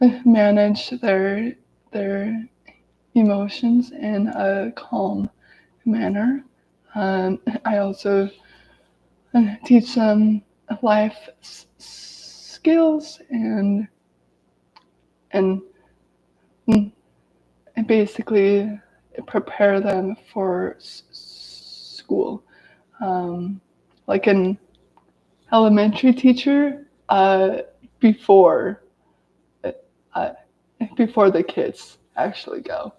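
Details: Adult woman with lifelong daily stuttering, severe in childhood, with speech blocks and S-words especially hard, speaking live; stuttering.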